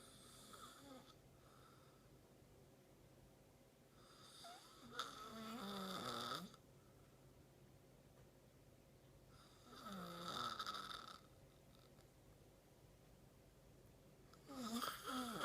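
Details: Adult man who fell asleep mid-conversation: three whistling, buzzing snores at regular intervals, about twelve breaths a minute, against a steady room hum; snoring.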